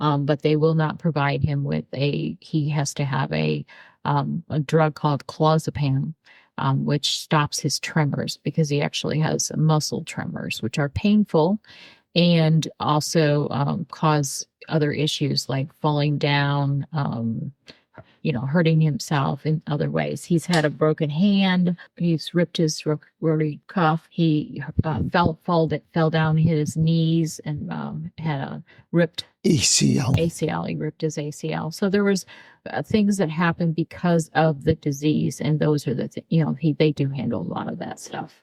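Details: Adult woman speaking; typical speech.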